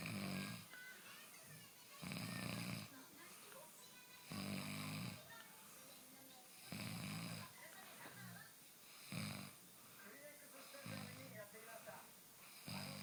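Repeated harsh snoring bursts with each breath, about every two seconds, over background chatter and sound from a room.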